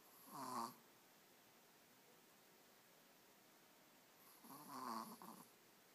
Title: Teacup Poodle Snoring